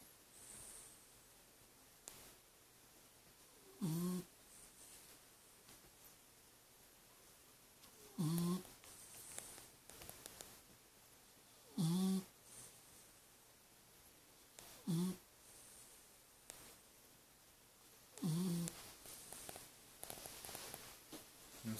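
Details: Short, grunting snores about every three to four seconds, six in all, over a quiet room, from a sleeping rescue dog; snoring.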